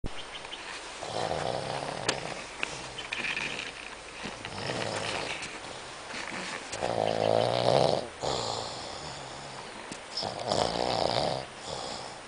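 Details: Friend snoring while camping: repeated loud, rattling snores on each breath, with some outdoor background noise.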